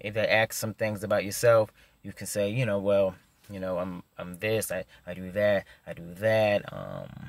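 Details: Stuttering in an adult man who stutters.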